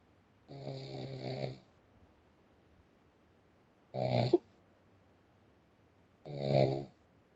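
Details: Loud, rough, vibrating snores on inspiration from a large man born in 1973, three over about seven seconds with quiet pauses between: snoring.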